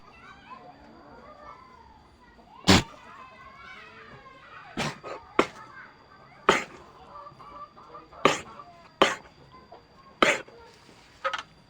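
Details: A goat coughing: short, sharp explosive coughs, about eight in twelve seconds, over outdoor background noise and chatter.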